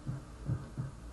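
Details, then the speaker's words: Soft low thuds repeating roughly every 0.35 seconds at the apex of an adult full-torso auscultation simulator via stethoscope: normal heart sounds. "Here we're listening to a sound at the apex, a rather normal apex sound."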